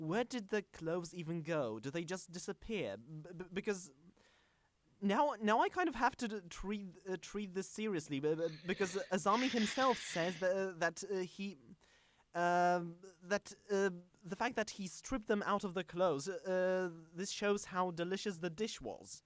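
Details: Stuttering in a male podcast host who calls himself a stammering host, on a show combining podcast and speech therapy; stuttering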